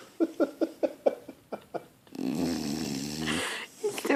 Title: Snoopy snores so loud!!